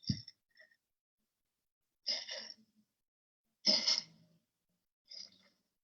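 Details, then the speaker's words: Pulmonary hypertension patient on pimobendan, high-dose furosemide and ACE inhibitors, with weekly fainting, uncontrolled dyspnea and marked effort even asleep: several soft, short, wet rattly coughs; moist cough. "Es una tos húmeda, lo cual nos hace sospechar de que el problemita pudiera ser por"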